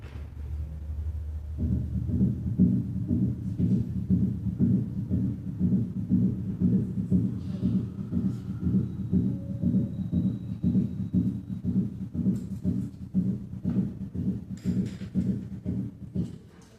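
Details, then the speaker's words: Simulated summation gallop at 120 beats per minute: S3 and S4 merge into one diastolic sound, giving a gallop cadence; described as common in dogs and cats with heart disease. "si la frecuencia cardíaca se acelera S3 y S4 pueden ocultarse como un solo ruido diastólico denominado ruido o galope de suma este fenómeno es común en los perros y gatos con cardiopatías"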